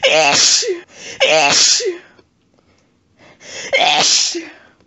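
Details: Three forceful, wet sneezes in quick succession, each with a voiced cry and sharp burst of air; part of a sneezing fit triggered by a cat lying under the chin in bed after being sneezy all day.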